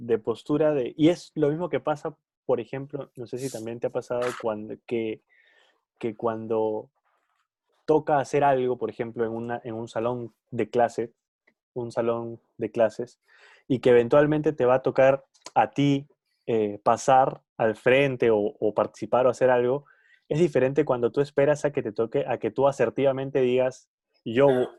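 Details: Stuttering in an adult who stutters, one of two adults who stutter in a Spanish podcast conversation.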